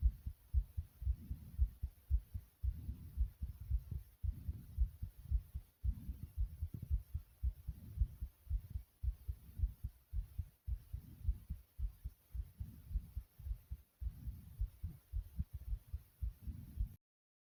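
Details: Own heartbeat recorded while racing: fast, regular low heart thumps at about 113 beats per minute; rapid heartbeat.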